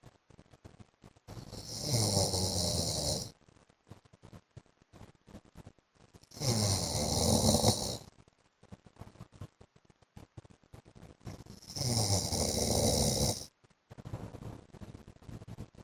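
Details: Three loud, harsh snores about five seconds apart, roughly 12 breaths a minute, with quiet ticking room noise between them: an adult man (husband) snoring in sleep.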